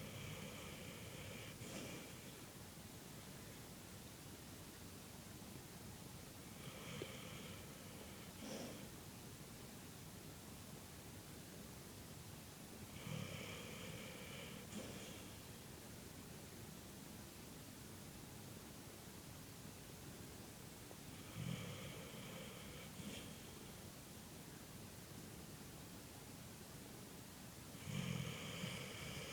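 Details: Sleeping pet dog, tucked in and snoozy, snoring in slow, regular rumbling breaths, about eight or nine a minute.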